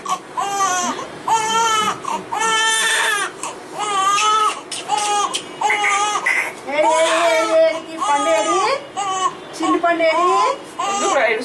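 Repeated rhythmic wailing cries with short breaths between, about a dozen cry bursts: a newborn's ordinary cry. An adult talks softly in the background.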